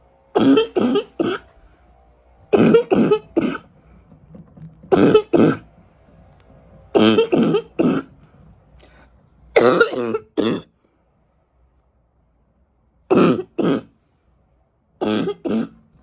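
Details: Adult smoker with winter allergies: repeated bouts of deep, harsh barking chesty coughs in clusters of two to four, rattling through the chest.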